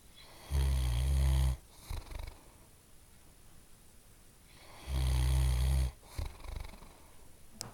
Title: Old Dog Snoring Loudly